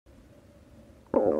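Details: Stomach growling (borborygmi) in a cartoon character: a faint low hum, then a sudden loud gurgling rumble.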